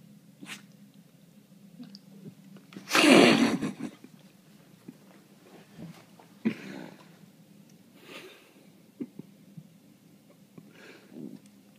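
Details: Standard long-haired Dachshund sneezing on owner's lap at the tail end of a fit of about 10 sneezes: one sharp sneeze followed by softer snorts and sniffs over a low hum.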